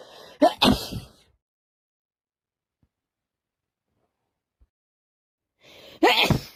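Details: Person with a cold who can't stop sneezing tonight: two forceful sneezes separated by several seconds of quiet; repeated sneezing.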